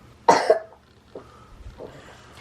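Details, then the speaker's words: Toddler, possibly with RSV (parents unsure), asleep overnight on a pulse oximeter reading 100% (normally 99%), still coughing and sounding unwell; cough. "he's at 100 but you can hear he's still kind of like coughing and stuff"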